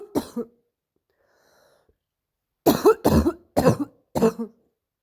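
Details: Five harsh, hoarse barking, seal-like cough bursts, painful per the person coughing, typical of upper airway irritation.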